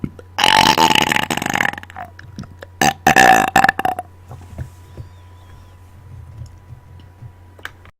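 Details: Deliberate burping after dinner: two long, loud, rattling belches in quick succession, then quiet room noise; forceful repeated voluntary burping.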